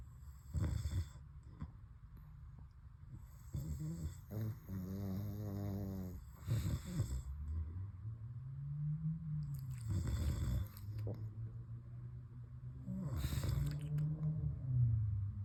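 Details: Two sleeping pugs snoring together: loud, low rumbling snores and snorts overlapping in irregular bursts.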